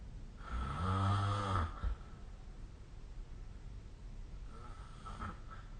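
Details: Sleep snoring: a loud, low, rattling snore on one breath in, a quiet pause, then a fainter snore starting on the next breath.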